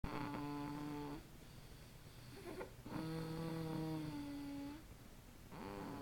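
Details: Snoring during sleep: long, tonal, whistling-hum snores on each breath, with quieter noisy exhalations between them.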